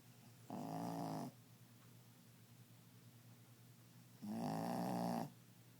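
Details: Sleeping dog whose snore is louder than any human's, per the owner; two loud, buzzing inhaled snores about four seconds apart with quiet breathing between; snoring.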